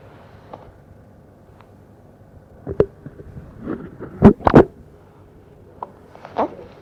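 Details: Two-week-old baby with frequent hiccups, which the baby also often had in the womb; recorded close to a microphone. Short, sharp catches of breath at uneven intervals in a quiet room; newborn hiccups.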